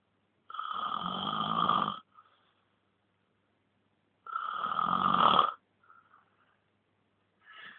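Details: Snoring: two long, harsh, buzzing snores with quiet gaps between them, in a slow regular rhythm.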